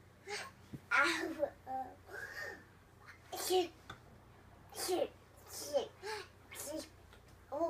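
Short playful sneeze-like bursts mixed with babble and giggles; a toddler imitating sneezes, not real sneezing.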